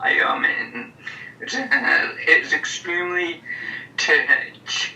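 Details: Stuttering in a person speaking before treatment in a stuttering program; he later describes his stutter at that time as severe.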